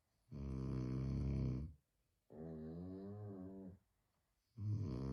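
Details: Two sleepers snoring as if synchronized, with long, loud, rattling breaths of about a second and a half each separated by pauses; snoring.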